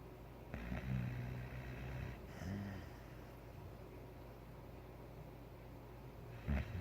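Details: White Boxer dog sleeping on the couch; snoring.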